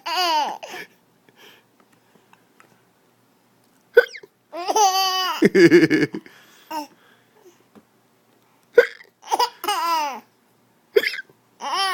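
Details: Abrupt, sharp gulping catches from an adult, Daddy, between bursts of laughter from a child who laughs at them; hiccups.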